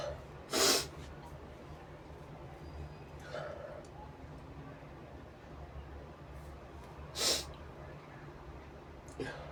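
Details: Someone (he/they) induces sneezes with a brush: two loud, sharp explosive sneezes, with quiet breathing and snuffling between them over a steady room hum.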